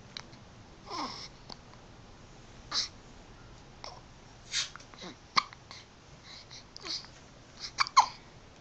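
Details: Daughter's hiccups: sharp sudden gulping hics at irregular intervals, about a dozen in eight seconds, with soft vocal sounds between.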